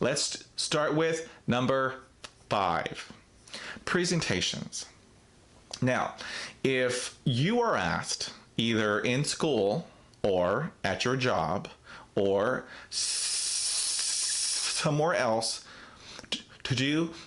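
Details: Real stuttering in an adult man who describes himself as a person who stutters; pauses within the stretch may be blocks.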